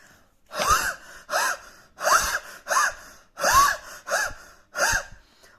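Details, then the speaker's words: Seven harsh, rasping dry coughs, rough like sawing wood; extremely dry, barking-type cough, throat feels as if cut; dry cough. "यह बहुत ही extremely बहुत ही ज्यादा dry का होता है ऐसा लगता है जैसे गला पूरा क्लियर गया हूं किसी में काट दिया"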